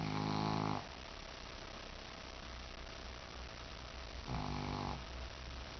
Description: Yes, this is a minute and a half of my shih-tzu snoring. Enjoy.